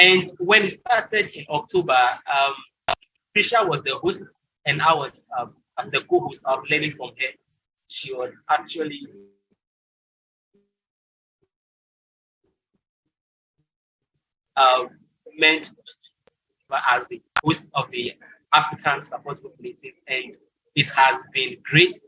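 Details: Presenter from Ghana at a stuttering support event, though it is not explicitly stated that this speaker stutters.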